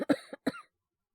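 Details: Two quick, slightly hoarse coughs acted by a Japanese male voice performer in a situational illness scene, with the character complaining of a sore, scratchy throat; the performer recounts his own flu that progressed to bronchitis; cough.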